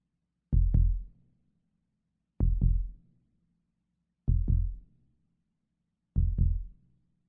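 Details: Normal heartbeat sound effect: four evenly spaced, paired low lub-dub thumps at a slow pace of about 32 beats a minute, with a faint hum between them.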